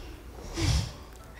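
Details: A single short, forceful, low rough nasal snort-like burst of air in a quiet room.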